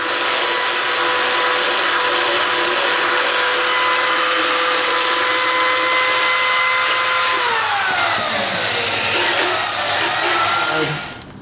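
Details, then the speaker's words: Loud steady whine of a motorized dental float, dropping in pitch under load then winding down, filing sharp rims of a horse's upper cheek teeth that caused cheek abrasions or ulcerations, at a clinic in stocks. "we can see some some abrasions or ulcerations on our cheeks from these sharp rims here and we're going to file those down and i'm going to start with that and then then we can talk some more later"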